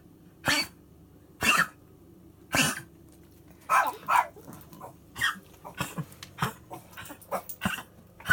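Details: Dog (Brodie) coughing, July 2017: a run of harsh, dry coughs, first spaced, then quicker and shorter hacks.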